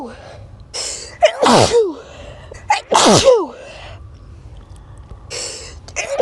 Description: This video is of me sneezing 9 times.